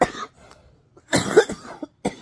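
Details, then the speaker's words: Harsh coughing fit with rapid coughs and throat clearing in an adult with four days of breathing difficulty and chest pain despite nebulizer use, before going to the emergency room. "by nine Thirty a.m I'm gonna say I was I was still going through this hacking and trying to breathe and trying to get hearing and my chest hurts"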